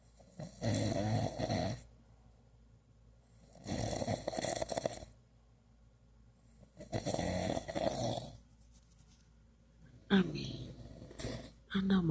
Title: My boyfriend loud ass SNORING again lol